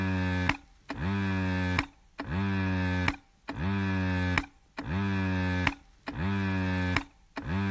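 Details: Breast pump running: a rhythmic motor hum with falling pitch, each cycle ending in a click and brief pause, about 47 cycles a minute.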